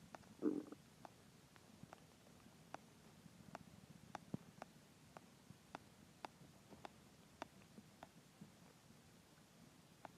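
Quiet low gurgling with a brief louder growl and regular small clicks: ordinary hunger stomach growling (borborygmi).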